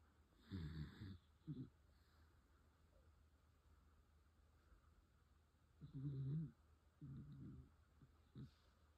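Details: A 14-year-old dachshund snoring at bedtime: quiet room with several low, rumbling snores in irregular bursts and some short snorts.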